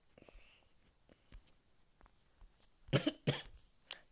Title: jugando con tos seca 😩